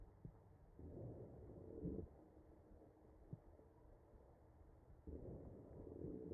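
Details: Real mechanically ventilated patient's chest heard through an electronic stethoscope: machine-delivered breaths carrying musical wheezes from narrowed airways; wheezing.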